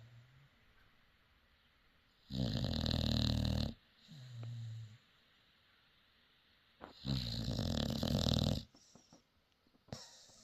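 Two loud, rattling, fluttering snores on the in-breath, each followed by a softer low groan on the out-breath, about 13 breaths a minute: snoring in a resting dog.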